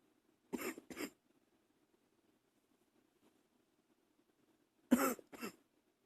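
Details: Two pairs of short, muffled coughs separated by a few seconds of quiet, held back early in the morning to keep quiet; a plain adult cough.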